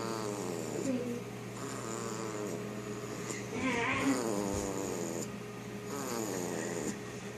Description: It's a cute, five week old, snoring German Shepherd puppy.